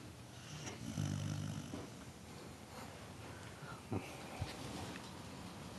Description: passed out snoring after getting into our special brownies.